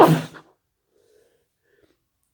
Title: sneezes